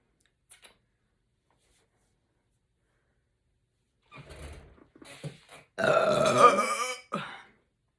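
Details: Woman burping after drinking Canada Dry soda: a few short throaty sounds, then a long, loud, rumbling belch with a smaller one after it.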